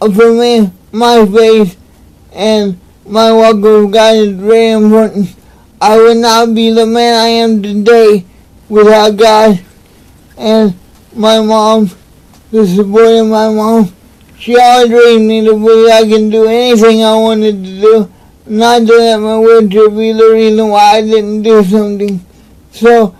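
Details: Dysarthria in an adult man with cerebral palsy, speaking to camera in a motivational talk.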